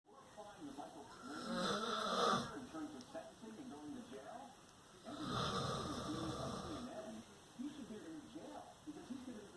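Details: Father snoring while asleep: two rough, rattling snores with quieter breathing between them; ordinary snoring.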